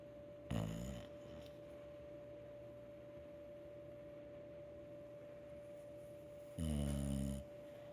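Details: Dog snoring in the background during a yoga workout: two rough, low snoring breaths about six seconds apart, with a steady room tone between them.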